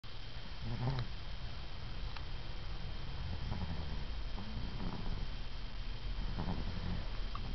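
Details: Sleeping cat snoring on both inspiration and expiration ("round-trip" snoring, louder than an adult); low rumbling snores over steady room hum.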